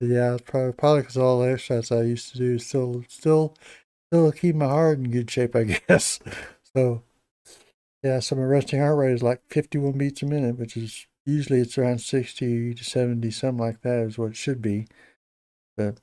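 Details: Hypokinetic speech in an adult man with Parkinson's disease for a little over 10 years, treated with deep brain stimulation since 2017; he reports his voice has gone down and is less clear than years earlier.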